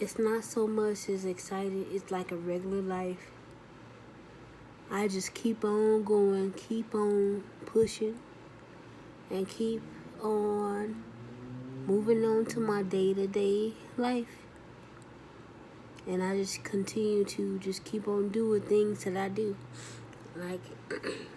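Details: Adult woman after her second stroke, with left arm paralysis; she says her speech is still healing from dysphasia, with delayed word-finding, frequent pauses, altered tone and confusing 'you' and 'I'; post-stroke aphasia (dysphasia).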